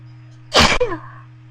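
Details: Sneeze induced with a bobby pin: one sharp, explosive sneeze with a brief voiced tail, over faint steady room hum.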